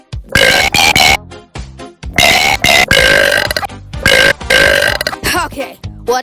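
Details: Person burping deliberately to music: long, loud, voiced belches repeating in time with a song.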